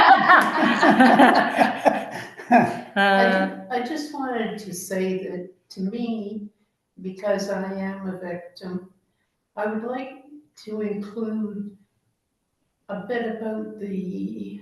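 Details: Older female long-term care resident who says she has dementia, with word-finding trouble and self-described stuttering; stuttering (disfluent speech).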